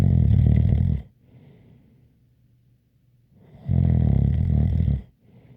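Loud, rough, rattling inhaled snores about one second long, separated by quiet pauses, with a faint whistle; ordinary heavy snoring.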